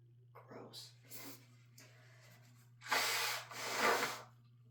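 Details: Person who is sick and also allergic to the dog: short sniffs and catches of breath, then two loud, explosive sneezes in quick succession, in a quiet room with a low hum.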